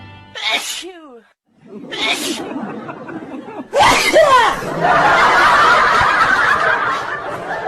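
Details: Three small, high-pitched sneezes from a baby, followed by giggling, with background music; ordinary infant sneezing.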